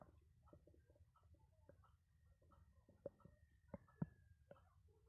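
Quiet bubbling, gurgling and squeaking bowel sounds with a brief drawn-out whine; ordinary stomach growling.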